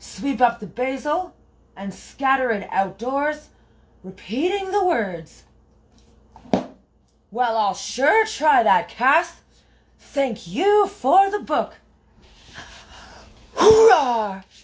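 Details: Woman with Tourette syndrome; loud, repeated 'Roarr!' vocal tic, repeated until it feels right, which she calls a release of energy; she says her tics are loud. Finding: vocal tic (Tourette syndrome).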